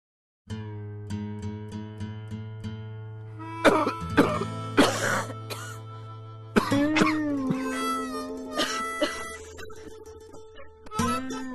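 Acted harsh, wet-sounding coughing fits, about half a dozen bursts, over gentle plucked-string music, imitating a smoker's cough.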